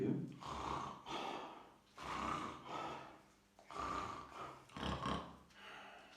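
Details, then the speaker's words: An adult volunteer deliberately snores with an open mouth, producing repeated rattling, fluttering palatal (soft-palate) snoring, recorded before a vacuum-activator device was fitted during a snoring test. "what we can observe the plan at first the volunteer is snoring was produced by the open mouth and by the developer Latina"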